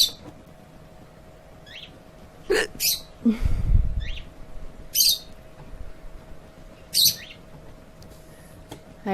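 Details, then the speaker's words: Person with repeated hiccups, who says nothing can be done about them for at least two days: several sharp, abrupt hiccups, some with a squeaky chirp-like quality, over quiet room noise. "wish they sound like bird chirps be a lot cuter right unfortunately there's nothing nothing I can do for at least two days"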